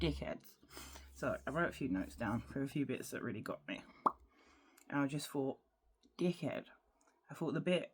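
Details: Adult woman with Tourette syndrome whose frequent vocal tics include involuntary words, swearing and intrusive phrases; Tourette syndrome vocal tics.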